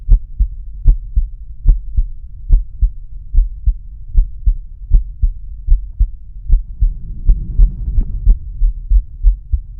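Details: Male heart auscultated with a stethoscope diaphragm, moving through aortic, pulmonic, Erb's point, tricuspid and mitral/apex areas: normal heart sounds.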